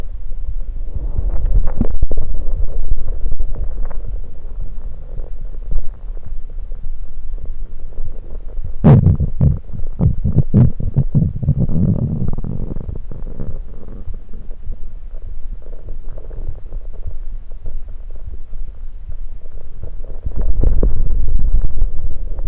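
Low gurgling and rumbling from the abdomen, with a burst of gurgles midway; ordinary bowel sounds.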